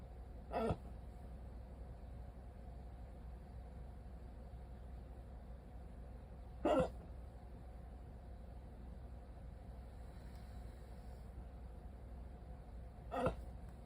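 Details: Three brief, sharp hiccups about six seconds apart over steady low background hum, during a 14-minute hiccup attack on waking after sleeping with a CPAP mask.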